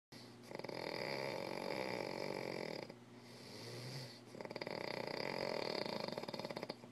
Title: Big baby snoring